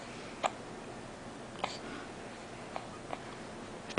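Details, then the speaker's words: Young child with hiccups, bouncy and trying to talk; brief, sharp, quiet catches at irregular intervals, about five in four seconds, over background hiss; hiccups. "tell me something hard to talk when you have hiccups tell me something hey cutie pie hi cutie your bouncy you're all over the place"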